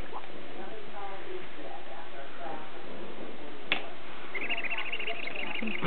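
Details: A 4-month-old baby girl with the hiccups: soft room noise with faint murmuring, one sudden sharp hiccup, then light high baby noises; an infant's hiccup.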